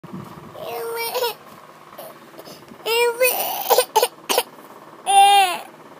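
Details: Infant crying, with milk just finished: repeated wailing cry bursts with short catches between them in a small room.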